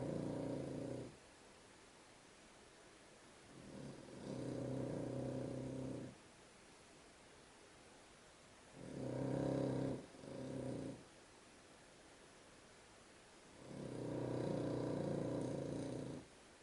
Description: My dog snores loader than any person so i had to prove it!